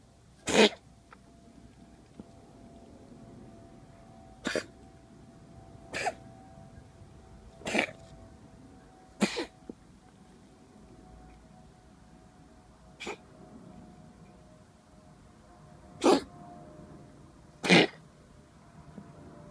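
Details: Cat coughing during an asthma attack: eight short, sharp coughs over about twenty seconds.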